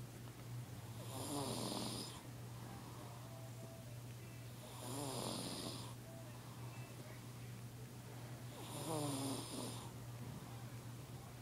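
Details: A sleeping baby snoring: three rhythmic snoring sounds on the in-breath, roughly every 3.5 seconds, over a steady low hum.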